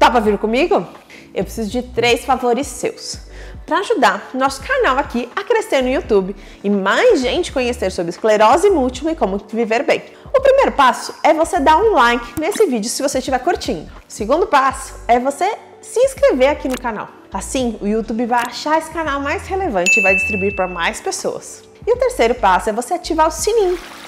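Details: Adult woman speaking Portuguese; normal speech.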